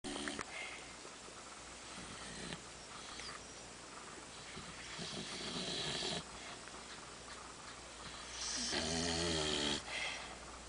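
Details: Snoring from a sleeping overweight female dog: noisy, wheezy snorting breaths, with a louder rattling snore near the end.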